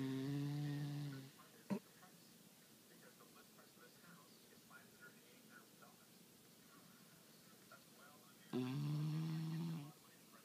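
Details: Female beagle snoring loudly while asleep: two loud, buzzing, low-pitched snores about seven seconds apart, with quiet breathing and a brief click between them; dog snoring.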